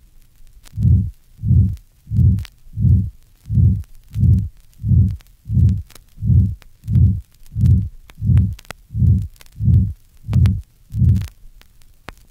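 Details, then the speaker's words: Aortic stenosis: grade 3 ejection mid-systolic murmur, swelling and fading in mid-systole, best heard at the aortic area (second right interspace), with soft aortic valve closure; regular heart sounds at about 88 per minute. "the ejection mid systolic murmur of aortic stenosis is best heard at the aortic area in the second right Inner Space aortic valve closure is soft listen to this murmur it is grade 3 in intensity"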